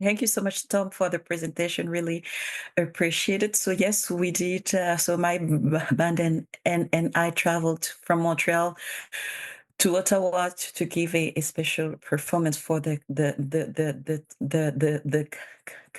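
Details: Bilingual adult woman who stutters; her real conference speech shows sound and word repetitions, consistent with stuttering.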